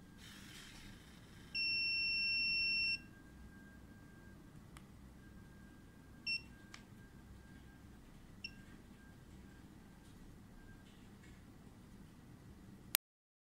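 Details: XB-500 micro syringe pump for Desferal infusion in thalassemia sounding its alarm: a steady high-pitched electronic beep lasting about a second, then a few brief chirps over quiet room noise.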